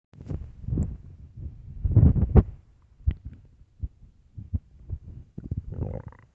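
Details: Loud, irregular low gurgling rumbles and bubbly pops from a hungry stomach: borborygmi, recorded for headphone listening.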